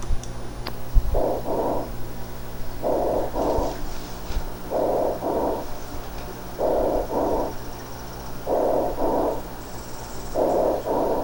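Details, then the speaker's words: Bronchial (tubular) breath sounds over lung around consolidation in resolving pneumonia: harsh, hollow tubular sound, no crackles, with inspiration and expiration of nearly equal length due to restricted lung expansion. "fíjense cómo es un sonido tubular no hay estertores no hay crepitaciones"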